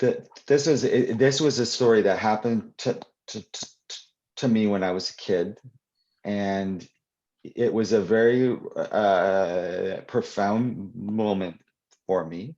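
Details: Adult man who stutters, heard answering a question in a live Q&A with part-word repetitions; stuttering.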